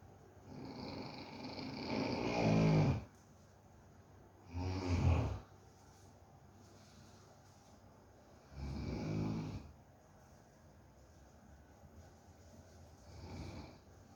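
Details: Pet dog falling asleep while the owner checks whether it snores: repeated low, rattling snores on each breath in, about four in fourteen seconds, with quiet pauses between. Snoring.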